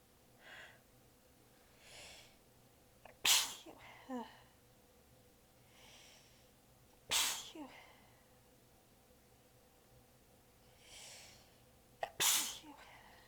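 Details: Three weak, partly held-back sneezes, each after a soft wind-up breath, with tired exhalations between, from a prolonged sneezing fit; the sneezer was exhausted with sore abs and biting them back.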